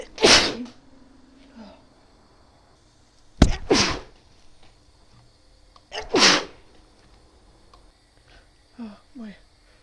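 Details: Female's wet, powerful repeated sneezing: three loud, explosive sneezes about three seconds apart, each with a brief intake, followed by soft sniffs; nose still tickles.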